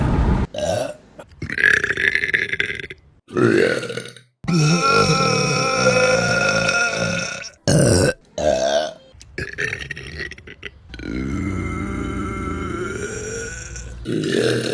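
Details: Compilation burps: a series of loud, drawn-out, deliberate burps, some long and rumbling, with short pauses between them.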